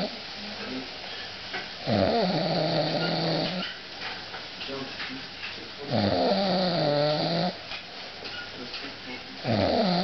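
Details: Heavy snoring that kept the listener awake: loud, buzzing snores about every four seconds over steady background noise, with quieter breathing between them.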